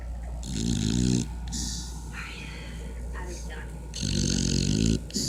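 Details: Snoring while sleeping with owner: loud snorting snores, two long rattling breaths with hissing air sounds between, over a steady low background hum.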